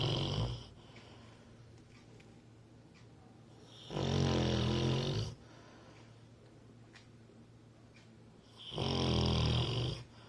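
Loud rattling snores about every 4-5 seconds, roughly 13 breaths a minute, with quiet exhalations between; ordinary snoring in a sleeping dog.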